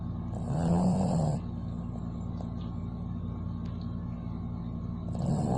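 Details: Dog snoring while asleep: a low, rumbling snore and the start of another about four seconds later, over a steady low motor hum.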